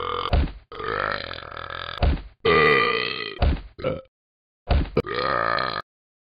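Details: Man burps while being punched: several long, loud, voiced belches in a row with brief gaps between.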